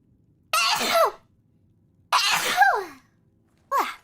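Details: Virtual streamer sneezing during a game livestream: three sneezes in quick succession, each a sharp, voiced burst with a falling pitch; sneezing.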